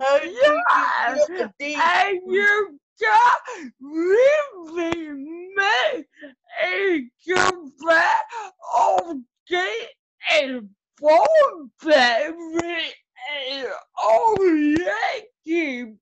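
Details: Adult woman with cerebral palsy whose muscles get tighter as she gets excited; dysarthria (cerebral palsy).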